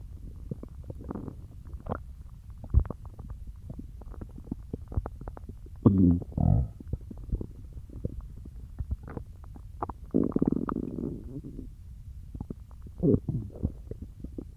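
Gurgling, squelching rumbles with several louder bursts over a low crackly background; ordinary stomach growling after eating.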